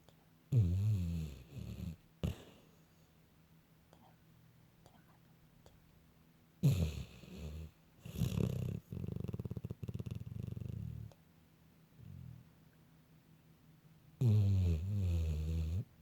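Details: Sleeping dog snoring while running in her dreams: low rumbling snores, several in a row with quiet gaps and a few soft snuffles.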